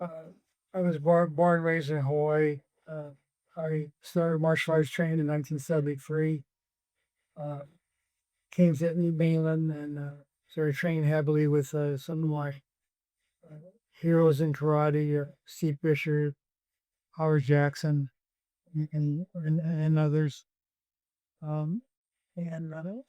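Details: Hypokinetic dysarthria in a man with Parkinson's disease diagnosed in 2014 at age 56, who also has REM sleep disorder and says his speech difficulties are returning.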